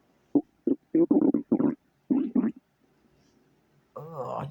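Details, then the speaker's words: Persistent gurgling from the gut of a person sitting up during a digestive cleanse, who is unsure whether it is bowel movement or gas bubbles and feels unwell: bowel sounds (borborygmi). "if it's gas air bubbles that keep gurgling like this I don't know what it is guys but I am trying to catch it on video"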